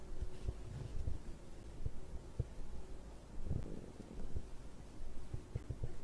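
Soft low gurgles and irregular bubbling clicks from the belly, ordinary digestion sounds after drinking.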